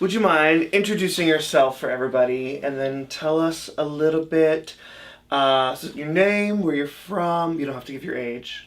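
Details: Adult interviewer speaking; normal speech.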